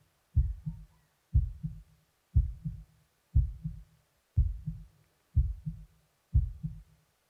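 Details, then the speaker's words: Heart heard through a stethoscope after slow breathing to lower a slightly fast pulse, judged perfectly fine, in an ASMR simulated check-up; normal heart sounds. "Alright, your heartbeat is perfectly fine. There's nothing to worry about."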